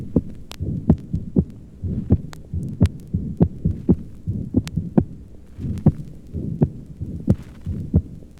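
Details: Accentuated second heart sound (loud P2).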